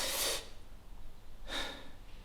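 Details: Person about to sneeze whose urge fades away: two sharp, hissing inhalations a second apart, like pre-sneeze gasps, with no sneeze following.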